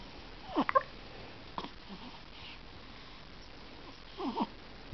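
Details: Hiccups, possibly in a small animal: soft, brief, jerky squeaks and clicks recurring a few times over several seconds in a quiet room.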